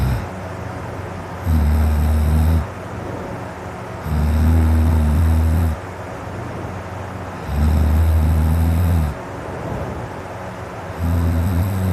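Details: Man's heavy snoring during sleep, his throat very dry and sore before going to sleep: loud, deep, rumbling snores on each breath in, about 19 a minute, with quieter breathing between; snoring that wakes his household.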